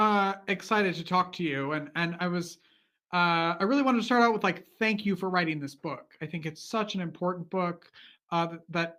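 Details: Adult male speaker; normal speech.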